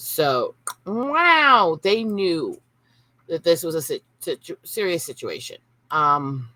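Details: Adult woman with Tourette syndrome and brain issues from childhood seizures; involuntary 'wow' interjection during narration; vocal tic (Tourette syndrome).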